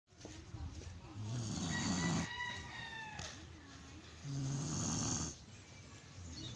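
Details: Pet dog snoring loudly in sleep: loud, rough, rattling snores at about 21 breaths a minute, with a faint background voice; snoring.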